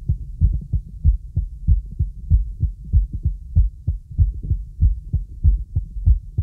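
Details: Heart auscultated with the stethoscope diaphragm during a relaxing full-body auscultation using a real stethoscope: regular soft lub-dub at about 95 per minute, normal heart sounds.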